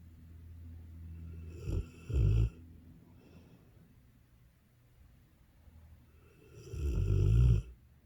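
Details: Sleeping Dogue de Bordeaux snoring: loud, low, rattling snores on the in-breath with quiet breathing between them; ordinary snoring.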